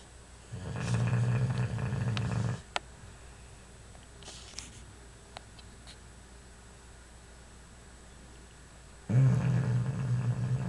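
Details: Bulldog sleeping, two long loud rattling low snores separated by a quiet pause of several seconds; snoring.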